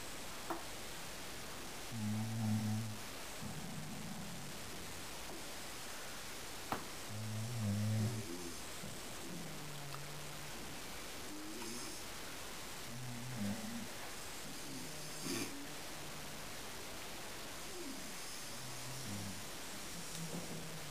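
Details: Two people snoring together in a snore-off: low, rumbling, buzzing snores recurring irregularly over steady background noise; snoring.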